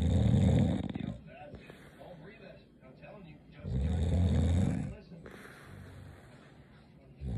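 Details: Woman snoring: deep, rumbling, motor-like snores likened to a diesel motor on two breaths, with quieter breathing between; loud snoring.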